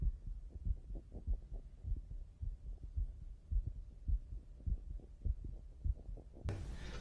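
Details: Simulated sports checkup of a slightly nervous male athlete at rest: clear lub-dub heart sounds, slightly fast at about 100 a minute, no extra sounds; normal heart sounds.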